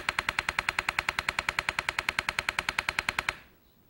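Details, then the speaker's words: TMS demonstration for depression treatment, rapid pulses for four seconds then 26-second break, felt as tapping on the head, painless: rapid evenly spaced sharp clicking, about 200 a minute, for about three seconds then quiet; TMS pulse train. "t and that provides a rapid pulse of TMS for four seconds with a 26 second break and so then you know how it feels yeah right you ready for it"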